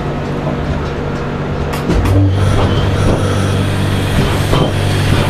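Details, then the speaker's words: External counterpulsation (ECP), a non-surgical treatment for heart-blockage patients: loud, low rumbling with rhythmic pumping surges as the machine pushes blood back toward the heart during diastolic filling. The treatment is described as painless. "इस तरह से heart की vessels में यहां से पूरा pumping करके blood को जब फैल रहा हो होता हा तो रिवर्स फ्लो में देती है इससे हम डायस्टोलिक फिलिंग कहते हैं"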